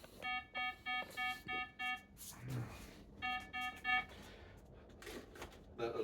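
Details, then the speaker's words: Home bedside monitor during status epilepticus with tonic-clonic seizures, syncope and dystonia in an adult with 22q11.2DS: rapid repeated electronic beeps of the heart rate alarm, set at 50 bpm (rate often drops to the 30s–40s); oxygen then adequate. "If the heart rate, this is the first level heart rate warning is at the 50 beats. We quite commonly will go down into the 40s and below into the 30s, mid30s."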